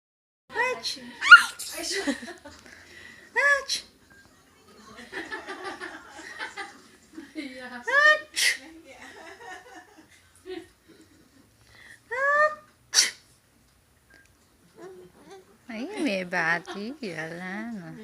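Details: A one-year-old baby sneezing nonstop: several quick sneezes, each a rising intake then a sharp burst, between babbling sounds; repeated sneezing.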